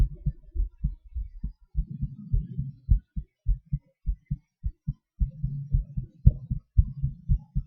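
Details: Self-recorded own heartbeat during breath-holds and panting (hyperventilation): low, dull thumps whose speed shifts unevenly, near 115 a minute at times, with breathing rumble between beats; heart rate changes with breathing manoeuvres.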